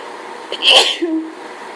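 A quick intake of breath, then one sharp, forceful sneeze with a short voiced tail; sneezing during a hay fever attack.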